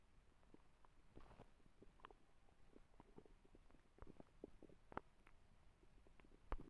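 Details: Stomach growling (borborygmi): quiet, scattered gurgles and bubbling squeaks from the belly, the normal sound of gas and fluid moving through the gut.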